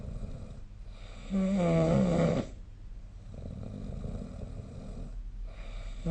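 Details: Snoring recorded with the SnoreLab phone app: one loud rattling snore on an in-breath, then quieter breathing and background hiss.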